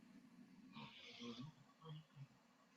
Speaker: man I just I'm sorry to be the down my dog snoring Jesus Christ